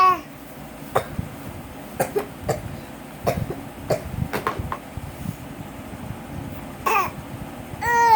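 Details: A young boy playfully imitating his mother's cough: a string of short, sharp cough bursts with brief childish voicing.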